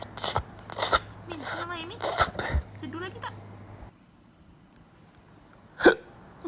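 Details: Overweight cat with hiccups in the morning, which the owner attributes to wind in the stomach: short, sharp hiccups recurring several times, with people talking in the background; hiccups.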